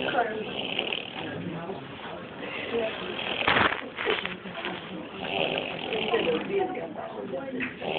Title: Clt woman snoring in hospital lobby.